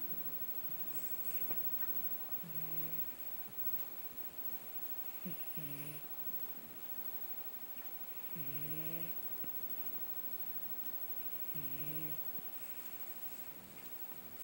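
Soft, regular snoring breaths from a sleeping cat, about 19 a minute, with faint room noise.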